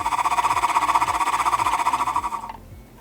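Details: Steady buzzing flutter, about four pulses a second, through one long medium-sized exhalation after a three-second breath hold; oscillating PEP airway clearance for cystic fibrosis, rocker arm fluttering.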